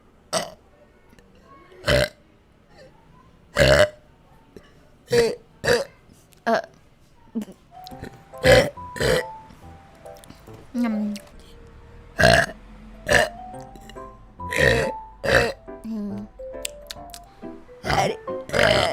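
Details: Vtuber compilation of repeated short, sharp belches over background music and brief Indonesian talk, with the speaker saying they are full; burping.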